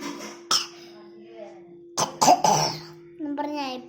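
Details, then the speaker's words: Child with a productive, phlegmy chest cough: a few short, harsh bursts with a loose, rough, wet quality. "കഫക്കെട്ടലിൻ്റെ ചുമയാണ് കേട്ടോ എനിക്ക്. ഇപ്പം എനിക്ക് എന്നാ പറ്റിയെന്ന് വെച്ചാൽ ഗൈസ്, നല്ല ചുമയും കഫക്കെട്ടലിൻ്റെ ചുമയൊക്കെയുണ്ട് എനിക്ക്."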